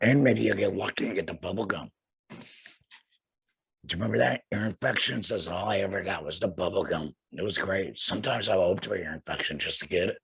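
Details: Young man, about two years after laryngectomy for cancer with radiation afterward, breathing through a neck stoma and speaking via a flanged, vibrating voice prosthesis in the esophagus; tracheoesophageal (alaryngeal) speech after laryngectomy.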